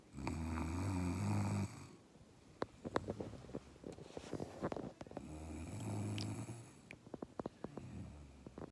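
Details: Woman snoring loudly while asleep around 3 a.m., recorded by her partner: loud, low vibrating snores on inhalation, with quieter crackly breathing and small clicks between.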